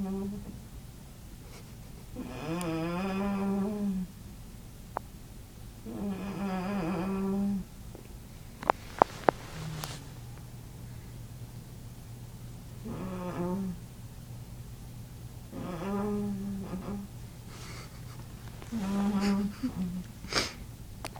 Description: My relative makes the oddest noises in her sleep, it was all I could do not to crack up!